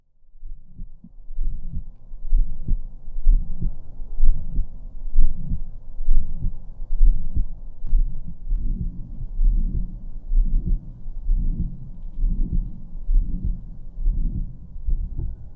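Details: Heart murmur heard through a stethoscope: slow, slightly uneven heartbeat about 65 per minute with a soft added murmur between beats.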